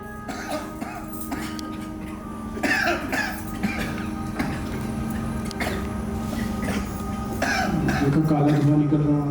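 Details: Acted group coughing in a TV drama scene, from black smoke of a ritual fire: short, harsh bursts from several adults over dramatic background music; cough from smoke inhalation.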